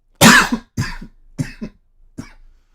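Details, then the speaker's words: Adult recovering from a recent illness, with only a lingering cough left: a short run of about four dry coughs fading in strength. "Sorry, I'm still coughing. By the way, I'm kind of still recovering from um [cough] from being sick and everything. It's really just the cough at this point."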